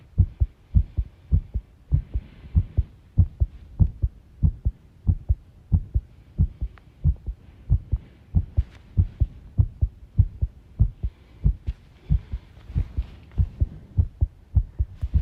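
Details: Heart sounds recorded while the person tidies a room, ASMR, stated to include arrhythmia; thudding beats around 95 a minute with uneven spacing, some rattling room noise. Heart sounds with arrhythmia.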